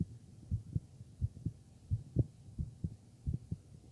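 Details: Heart auscultation: soft low thumps in pairs at about 86 beats a minute over a faint hum; normal heart sounds.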